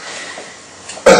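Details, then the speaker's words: A C4 quadriplegic adult with left hemidiaphragm paralysis, recovering from pneumonia and lying supine in bed, gives a single short assisted cough under manual chest and abdominal compression; secretions are heard moving up slowly. "ready again and you can hear he's got some secretions that are moving up slowly there and they'll come in a little while just takes a few cycles sometimes to shift the secretions all the way up"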